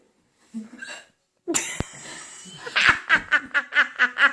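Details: Person hiccupping while laughing: a rapid run of short, jerky voiced bursts blending with laughter, with brief background talk; hiccups.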